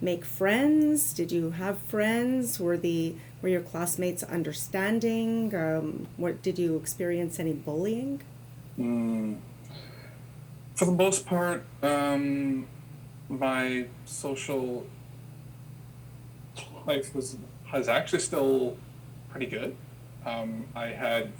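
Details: Adult man who has stuttered since he could talk, had school speech therapy as a child, with father and older brother who also stutter; stuttering.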